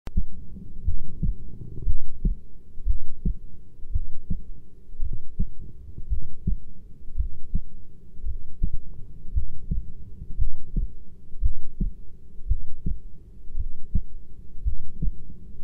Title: 20 min heartbeat recording